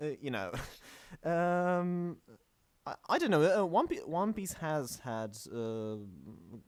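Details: Stuttering; male podcast host whose co-hosts are introduced as the non-stammering hosts, implying he stammers; the show describes itself as combining manga talk with speech therapy.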